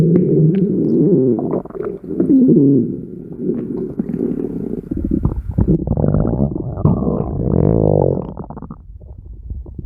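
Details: Red panda Owen at feeding time with stomach growling: long low rumbling and gurgling growls rising and falling in waves.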